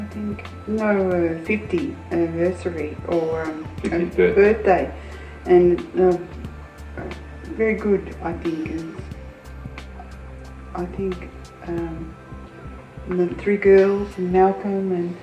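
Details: Adult with aphasia speaking with family support; speech is non-fluent with word-finding difficulty. Finding: aphasia.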